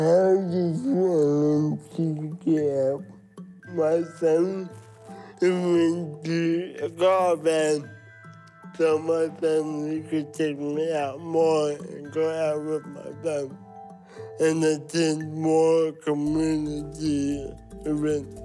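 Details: Dysarthria from cerebral palsy in a 23-year-old Samoan man, who says parts of his brain don't work well so his words come out this way.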